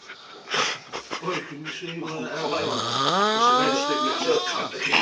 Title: funny snoring MUST WATCH